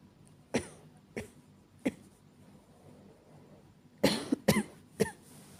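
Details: Acted, not real, night-time coughing of a girlfriend who cannot stop coughing: bouts of dry coughing, several single coughs, then a quick cluster of about five.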